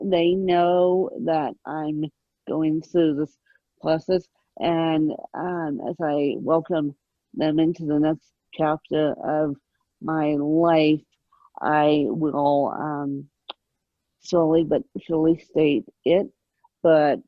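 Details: Adult woman with moderate, mid-spectrum ataxic cerebral palsy present since birth, caused by lack of oxygen at birth, needing 24-hour care; ataxic dysarthria in cerebral palsy.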